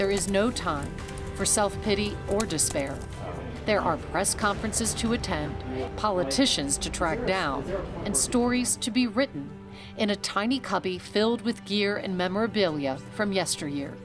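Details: Adult narrator; typical speech.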